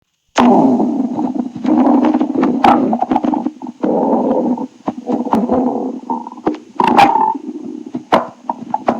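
Long, loud gurgling rumbles with bubbly pops, typical of a growling stomach; normal bowel sounds.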